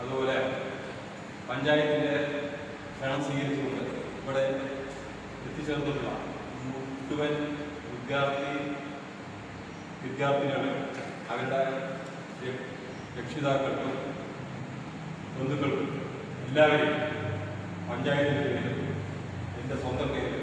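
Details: Stuttering in an adult man giving a public speech in Malayalam.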